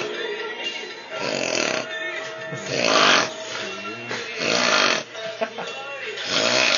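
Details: Man snoring while sleeping: loud, rough snoring breaths at an irregular pace, roughly 35 a minute, with music in the background.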